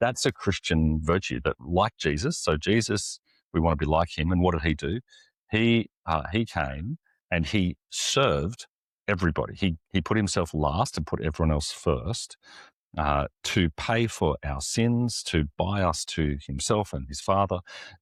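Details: Stuttering in an adult man, an executive pastor who says he has a stutter and lives and ministers with it; this clip comes right after he mentions it.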